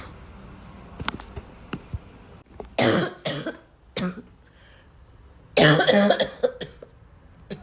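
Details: Repeated coughing interspersed with throat clearing and snorts, in someone who says they are coughing a lot.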